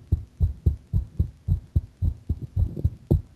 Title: my heart sound a bit faster